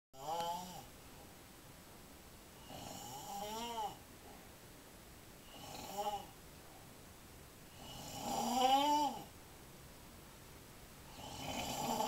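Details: Loud, droning snores with a tonal, whistling edge, about five over twelve seconds with breath noise between: snoring.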